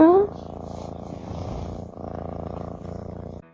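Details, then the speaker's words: Steady, rapid rumbling purr from a pet cat, likened to a motorbike exhaust, a sound of a relaxed, comfortable cat. "guys di sini Siapa yang kucing peliharannya suka mendengkur guys atau mengeluarkan suara semacam knalpot motor yang ada di video ini guys"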